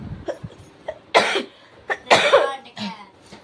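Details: Cough, with nearby throat clearing and sniffing, during a house-viewing vlog by someone who reports heart pain and vomiting.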